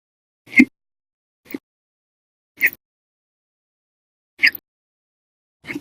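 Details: Hiccups lasting 11 hours 55 minutes after breakfast, lunch and 2 cups of soda after dinner: five sharp, abrupt gulping hiccups, roughly every one to two seconds at an uneven pace.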